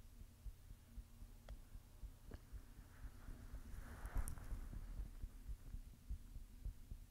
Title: My Heartbeat ☺️💓